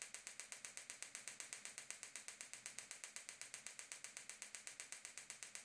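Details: Extracorporeal focused shockwave (Gymna Shockmaster 300, 15mm focused head, 3 bar, 2000 shocks at 8 Hz, ultrasound gel) to plantar fascia origin at heel for proximal plantar fasciitis/heel spur: rapid, very regular sharp clicking pulses; shockwave device firing.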